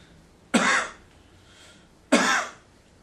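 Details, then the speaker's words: Acted demonstration during incentive spirometry teaching: patient hugs a pillow to splint the incision and gives two moderately forceful coughs about 1.5 s apart, reporting less pain; pillow-splinted postoperative cough. "okay good this helps hold everything steady splints it so it doesn't move around and hurt as much so as you need to cough grab the pillow"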